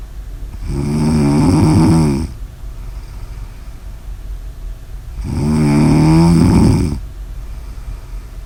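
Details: Typical snoring: loud, rattling, buzzing snores on each breath in, with quiet breathing out between them.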